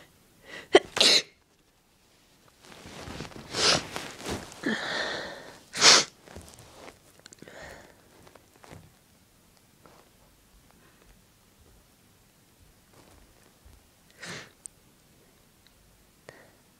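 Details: Sneezes induced with the clothes tag method, leaving a tickly nose afterwards: several strong, explosive wet sneezes, each preceded by a sharp inhale, then quieter sniffs and breathing.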